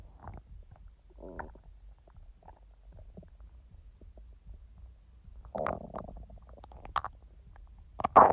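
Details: Real stomach rumbling from the speaker's own abdomen, not recorded in real time because the stomach was barely active: quiet gurgles and short squelching bursts over silence, louder near the end, normal bowel sounds (borborygmi).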